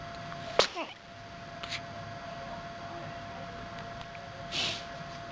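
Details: Baby sneezing: one sharp, small sneeze, then quiet room noise and a brief breathy sound.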